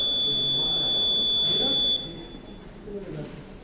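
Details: A Hamilton C2 ICU ventilator with a 'technical state failure' fault powers back on during repair: a steady high-pitched electronic start-up tone lasting about two seconds, with faint room noise.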